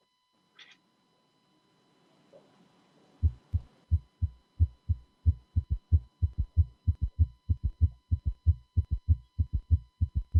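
Low, regular heart sounds at about 95 a minute; after the first few beats a soft extra sound follows each beat, a third-sound gallop.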